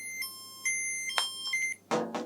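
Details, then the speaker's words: CADD Legacy infusion pump for epoprostenol (Veletri), switched on after fresh batteries are inserted: several clear electronic beeps as it runs through its settings, signalling ready for use, with faint handling noise. "will go through its settings and when it's happy to be manipulated it will beep a few times the toast it's happy to be used"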